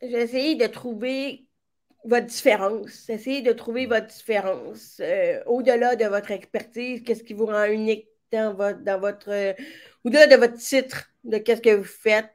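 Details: Speech of a woman with severe-to-profound deafness who hears with a hearing aid in her right ear and now also a cochlear implant, and who trained her voice on her own; deaf speech.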